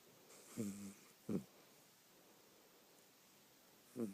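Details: Puppy snoring late at night: three short, snorting, voiced breaths separated by quiet pauses in a quiet room; snoring in sleep.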